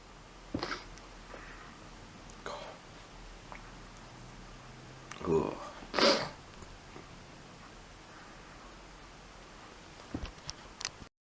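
Two sharp, explosive sneezes in quick succession, with quieter breaths and room noise around them.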